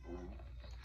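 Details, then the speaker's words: Person who is fasting and hungry, stomach growling audibly while recording; borborygmi. "Ooh, y'all hear that? It's my stomach."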